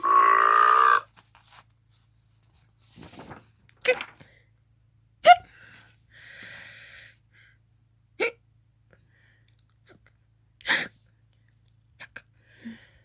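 A short voiced squeal, then several sharp, abrupt gulping bursts separated by a few seconds, fitting hiccups.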